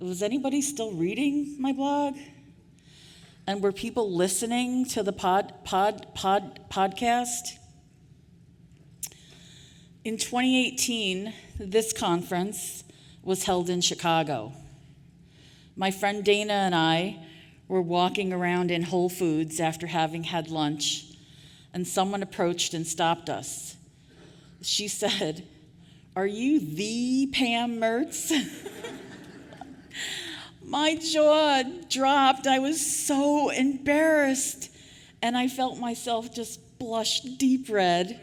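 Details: Adult woman who stutters, formerly a covert stutterer for years; audible part-word repetitions; stuttering.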